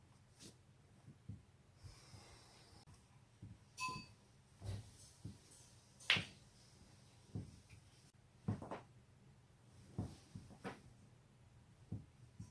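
A series of sharp pops and clicks over quiet room noise; joint cracking during self-manipulation of the neck and back.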